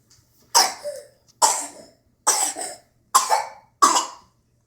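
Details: Child coughing while dancing, recorded January 2013: five separate coughs, each a sharp burst that fades, evenly spaced with brief pauses between.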